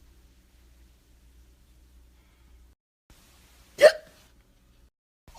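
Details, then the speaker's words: Simulated hiccup, not real: a single short, sharp hiccup after a pause, imitated by a narrator reading a children's story aloud. ""Hold your breath and hop up and down." Thump, thump, thump. But she hiccuped again."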